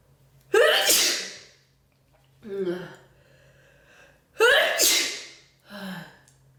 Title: Big cold sneezes